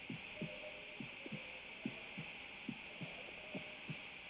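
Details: Steady paired lub-dub heartbeats at about 70 a minute over a constant electronic hiss and hum, recorded with a homemade digital stethoscope and played back with added gain; normal heart sounds.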